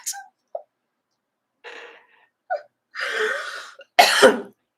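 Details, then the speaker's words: Adult with asthma and sinus trouble from a lingering illness, hoarse voice, coughing near a fan: a few small throat clears, then a couple of harsher coughs; asthma cough. "and of course I'm going to start coughing asthma and the fan so I can't donate until I get my asthma better under control"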